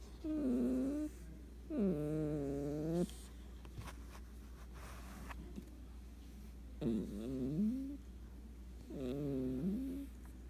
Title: Cat snores while sleeping Very funny and cute